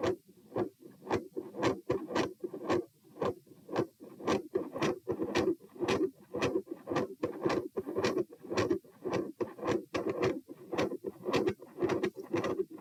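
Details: Heart sounds recorded at position p while standing: regular sharp beats with a rumbling continuous machinery-like PDA-like murmur that swells and fades, phasic S2; ASD/PFO pattern not apparent, possibly L-R pressure.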